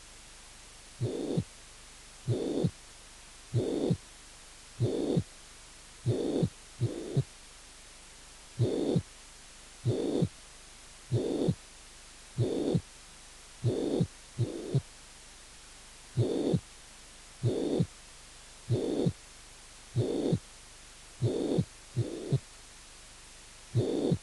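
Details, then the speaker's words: Mitral regurgitation pansystolic murmur that does not increase significantly after the long diastolic pause following an extrasystole. "tras una pausa diastólica larga fase extra sistólica el soplo funk sistólico t insuficiencia mitral no aumenta significativamente"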